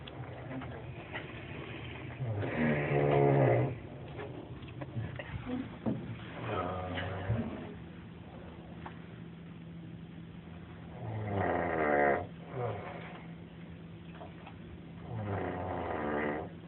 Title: Snoring in library